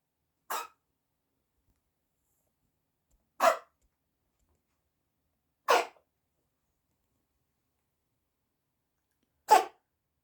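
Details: Kitten sneezing: four small, sharp sneezes spaced a few seconds apart.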